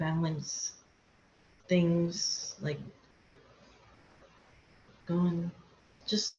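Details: Aphasia in a woman after a hemorrhagic stroke; she could not talk for two years after the stroke and still has word-finding difficulty.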